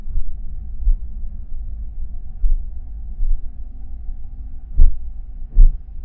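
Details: Normal heartbeat: dull, low thumps through a constant deep rumble, spaced unevenly and partly buried in noise.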